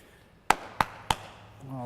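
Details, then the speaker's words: Three sharp clicks a third of a second apart during chiropractic adjustment of the lower cervical spine (C5–C7 area) of a 25-year-old horse with slowed range of motion there; chiropractic adjustment. "she's a little bit slowed down and her lower cervical so I'm gonna come down a juster at five six six seven in this area there we go"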